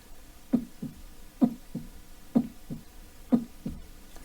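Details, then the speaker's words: Vocal imitation (made in the throat, not a real or amplified heart sound) of a normal heart rhythm: steady lub-dub at about 64 beats a minute, normal heart rate. "one of my lectures that isn't actually my heart or an amplified heart sound I'm just making that noise in my throat but normal heart rate right"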